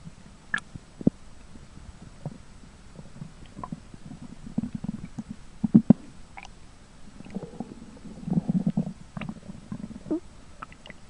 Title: Yoshka the skunk's stomach growling